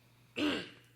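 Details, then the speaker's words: Adult man, who says he is sick with coughing and wheezing, gives a single short, harsh throat clear in a quiet room during a conversation; throat clearing. "sorry I'm sick so I apologize if you hear a lot of coughing and wheezing and I sound like [ __ ] it happens don't worry about it"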